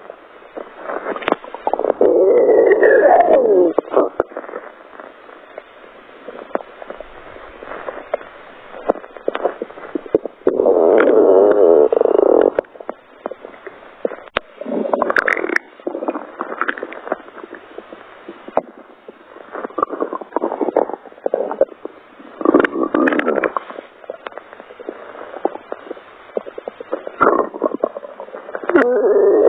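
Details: Stomach growling: gurgling, rumbling noises in bursts with wavering tones and quiet gaps; ordinary bowel sounds (borborygmi).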